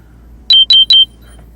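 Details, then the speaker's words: Three quick high-pitched electronic beeps: the speaker's diabetes glucose sensor alarm going off mid-conversation, reported as shutting down, which he then struggles to turn off. "Sorry about that alarm. Damn. My sensor is going off. Shut down. For my diabetes."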